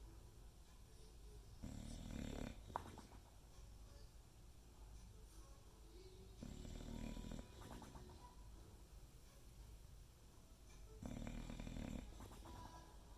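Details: Three slow, rough snores about five seconds apart over quiet room noise, roughly 13 breaths a minute; ordinary snoring.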